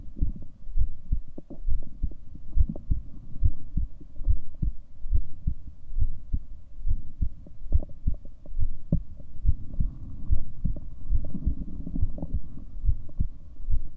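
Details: Seven-minute recording of the person's own heartbeat: steady low thumps at about 71 beats per minute with a faint hum behind them; heartbeat.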